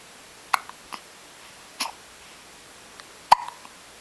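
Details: Baby with hiccups.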